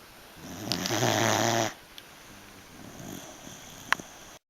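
A loud, vibrating inhaled snore lasting about a second, followed by a softer breath, typical of a snoring dog.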